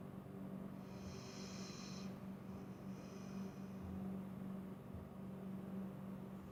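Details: Tessa always snores in her sleep, sometimes really loudly; snoring caught on camera.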